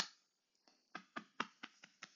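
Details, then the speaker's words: Seven short, dull taps with no ringing after them: a flat percussion note over dense thigh muscle, demonstrated during a health assessment exam review. "But out of these things, the thigh muscles, the stomach, and the small intestines, what is the most dense? What is going to give you the most flat sound?"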